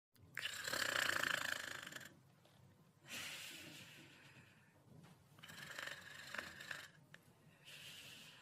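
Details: Cute snoring: rhythmic, breathy snores with a rasping in-breath roughly every two to three seconds, softer on the out-breath.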